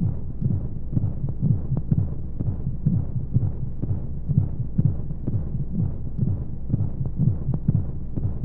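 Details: Womb-sound sleep aid for babies with white noise: steady muffled low heartbeat thumps at about 125 a minute under a constant whooshing hum of flowing sounds, as heard from inside the womb.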